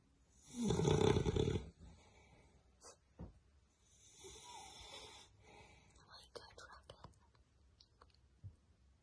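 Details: Rocket, a male Beagle, snoring: one loud, coarse rumbling snore then softer snuffling breaths with a few clicks in a quiet room; owner says his snoring is like an earthquake.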